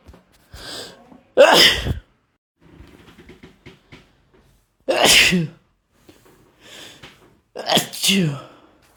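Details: Male sneezing, a mix of random, induced and cold sneezes that grow progressively louder and stronger: three loud, forceful sneezes, each led by catching breaths, with small sighs and sniffs between them.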